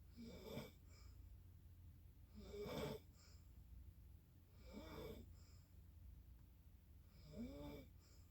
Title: Snoring again